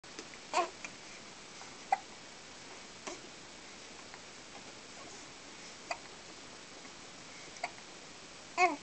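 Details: Recurring infant hiccups, brief abrupt catches with a small voiced squeak about every second, seven in total; ordinary baby hiccups.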